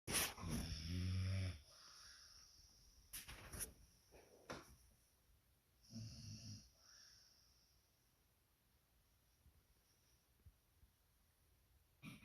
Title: Snoring duet